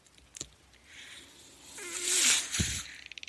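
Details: Speaker's own mechanical ventilator during a podcast recording: a soft airy hiss swells over about a second and fades, with a faint tone and small clicks, one mechanical ventilator breath.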